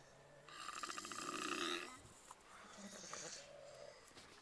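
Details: Snoring while sleeping on a tour bus, labelled a snore trio: a rough, rattling snore rising for over a second, followed by quieter breathing noises.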